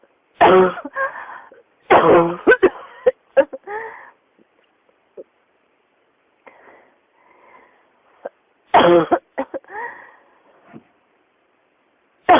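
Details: Adult with a persistent cough linked to pneumonia, coughing in repeated harsh bouts with quiet breathing between fits.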